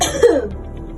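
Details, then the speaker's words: Simulated effective cough technique education for a tuberculosis patient: after a counted deep breath, a single forceful voluntary cough; the nurse notes the secretion has come out, showing the technique succeeded. "Baik, Ibu. Secretnya sudah keluar, Ibu ya. Berarti pakainya ibu sudah berhasil melakukan teknik untuk efektif."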